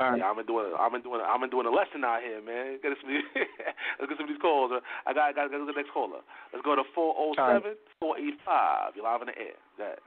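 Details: Adult male speaker over phone or radio line; Ordinary conversational speech.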